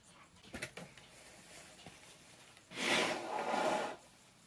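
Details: Male sneezing in a bedroom while feeling unwell: a few light knocks, then a sudden explosive sneeze burst in a small room.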